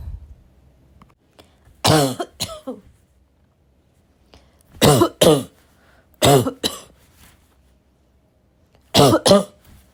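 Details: Girl having a raspy, barking coughing fit: four bursts of harsh, raspy coughing, mostly in doubled pairs, with quiet gaps between; rough, irritated cough.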